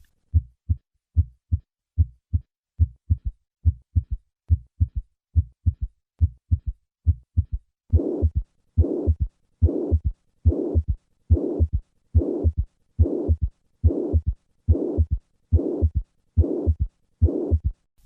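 Regular heartbeat, first crisp and clean with an added third sound, then a long blowing murmur filling each systole: mitral regurgitation with a third heart sound.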